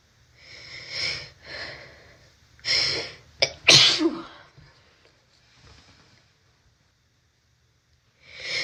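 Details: Person with a cold and a very sensitive, itchy nose: quick indrawn breaths, then a few hissing, partly stifled sneezes and one forceful sneeze; repeated sneezing.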